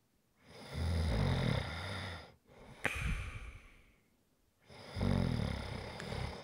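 Two loud, rattling snores on the in-breath separated by a quieter breath with a snort; snoring.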